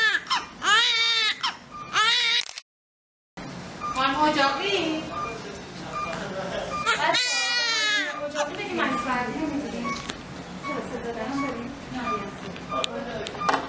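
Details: Newborn baby girl in hospital, first minutes after birth: loud, high-pitched crying in repeated bursts with a brief gap and room noise; newborn's first cries.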